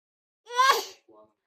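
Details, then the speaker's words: A 3-month-old baby's rising, voiced wind-up breaks into a soft, weak burst and a small sound: an aborted sneeze that never fully fires. "제기가 실패했어. 제 체기를 못 했어요."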